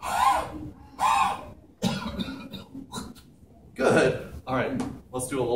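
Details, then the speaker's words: Role-played patient with lung secretions huffing and coughing after percussion and vibration during postural drainage by a student physical therapist: several short coughs and huffs, some harsh. "do you feel like you need to Huff and cough some stuff out yeah I'll try Okay so let's try and do"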